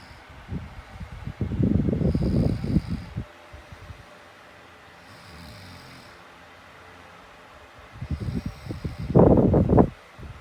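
Harsh, rattling snores with snorting, separated by quiet breathing pauses; loud, irregular snoring.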